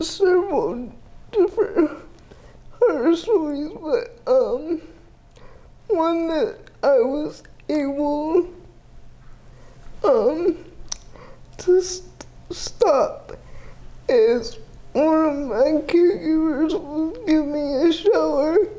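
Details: 30-year-old woman with GMFCS Level 4 cerebral palsy, quadriplegia with an athetoid component, affecting the speech muscles so her speech may be unclear; dysarthria (cerebral palsy).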